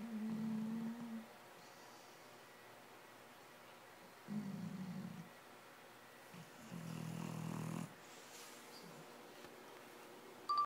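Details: Dog snoring nightly, said to sound like an old man: three deep, rattling snores during sleep, a few seconds apart, in a quiet room.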